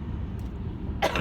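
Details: Adult with bronchitis and an ear complaint, coughing in a car: steady low engine rumble, then one short, harsh cough near the end.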